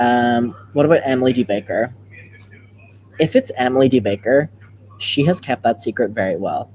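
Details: Adult speaker; ordinary speech.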